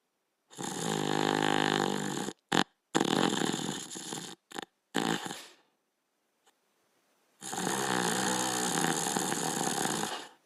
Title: Border Collie Dog Sleeping & Snoring